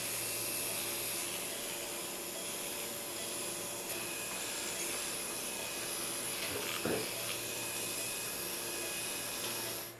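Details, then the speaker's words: Shoulder arthroscopy for a posterior Bankart lesion, patient in lateral decubitus position: a motorized shaver debrides soft tissue off the glenoid neck after an elevator mobilizes the tear, giving a steady whirring hum with faint suction-like noise. "an elevator is then introduced and is utilized to mobilize the tear a motorized shaver is then utilized to further debride soft tissue off the neck of the glenoid"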